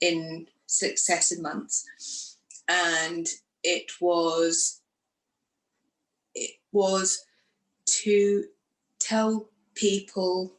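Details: Woman who had a stroke after surgery in 2018, aged 44, lost her speech, and now lives with post-stroke aphasia.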